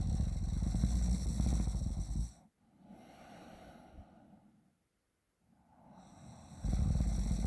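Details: Person asleep and snoring: loud, low, rattling inspiratory snore fading into quieter breathing and a pause, then recurring.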